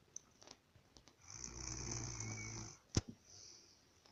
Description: Lol my cousin snores so funny 😄